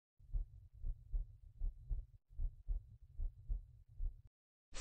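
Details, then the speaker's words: Intelligent stethoscope with simultaneous ECG patch, second left intercostal space (pulmonic valve area): regular low paired heart thumps at about 76 a minute, no abnormality; normal heart sounds. "first listen to the atic valve area second listen to the pulmonic valve"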